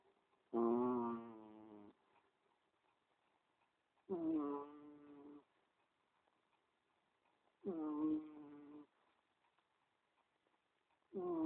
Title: Cheeky cat snoring